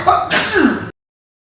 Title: Sneeze kills 😂